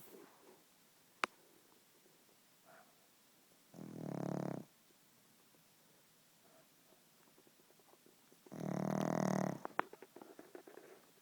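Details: Pug snoring, keeping the owner awake: two loud, rattling, snorting breaths roughly five seconds apart, with faint room noise between them.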